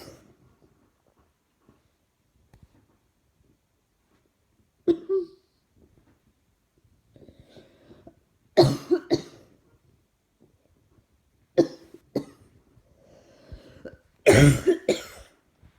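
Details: Repeated single and double coughs, about six in fifteen seconds, with quiet breathing between; throat and chest hurt.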